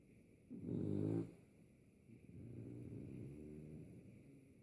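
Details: French Bulldog snoring in an "off-switch" pattern: a loud, vibrating snort-like snore, then a longer, softer rumbling snore on the next breath.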